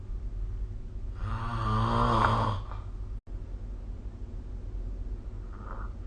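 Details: A snore recorded with the SnoreLab snoring-recording phone app: one loud, rumbling, buzzy snore on an in-breath lasting about 1.5 seconds, then quiet breathing against a low room hum.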